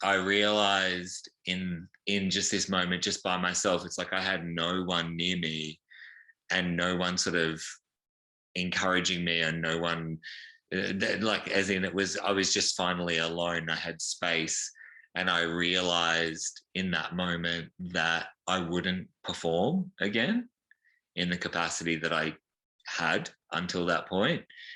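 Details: Adult male stroke survivor with brain injury and a damaged vocal cord found after the stroke, possibly permanent; formerly a professionally trained singer; voice disorder from vocal cord damage.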